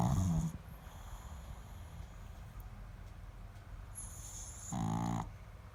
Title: Pug snoring like human